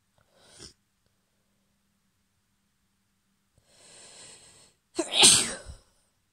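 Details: Sneezing on waking at the end of a cold: a soft breath in, a hissing build-up, then one forceful explosive sneeze.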